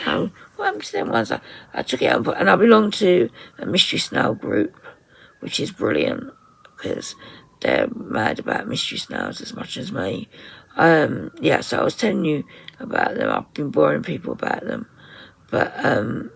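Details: 57-year-old woman with voice dysphonia after COVID pneumonia, very tight, stressed muscles around the vocal cords, also affecting swallowing; ENT found mucus and laryngeal infection; in speech therapy; voice distorted, sometimes lost; muscle tension dysphonia.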